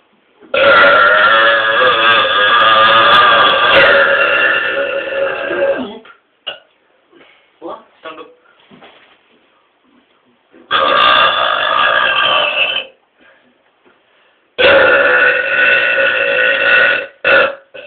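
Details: Two people burping loudly and powerfully: three prolonged, loud belches separated by quiet gaps with faint small sounds.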